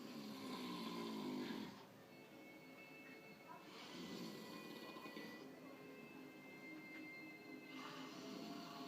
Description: He says to my mom that he doesn't snore in his sleep but she wakes up to a snore sound (Here Evidence)